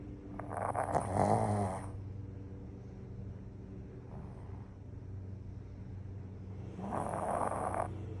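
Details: Sleeping pug snoring: two long, grunting, rattly snores about six seconds apart with quiet breathing between them; snoring.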